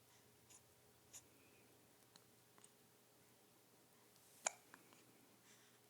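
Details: A baby with hiccups: a few soft, abrupt catches in a quiet room, one sharper than the rest.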